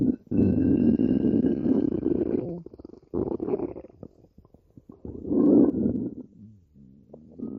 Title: stomach growling